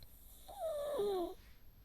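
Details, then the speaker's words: Charlie, a dog sleeping in a micro camper on a frosty winter night, gives a single whistling snore with a falling pitch over quiet room noise. "But I think I think I might sleep sometime soon. Can you hear Charlie snoring?"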